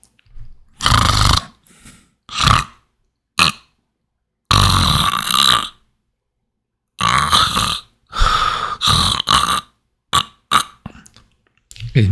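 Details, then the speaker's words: Simulated teaching example of obstructive snoring with intermittent apnoea, the tongue intermittently obstructing breathing: loud, irregular snorting bursts broken by silent pauses. Possible desaturation; below 90% saturation is serious and needs intervention. "Un ronquido es clásico, todos conocemos que es un sonido como el que voy a reproducir. Ese paciente puede que tenga saturación, pero sobre todo si esa lengua obstruye por ratos la respiración."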